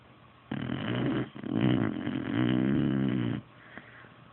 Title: Sophie the Beagle snoring